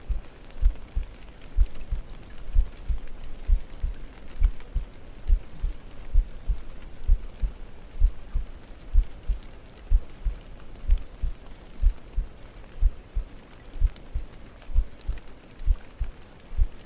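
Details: ASMR heartbeat trigger: regular soft low thumps at about 64 a minute under steady rain-like noise; a heartbeat.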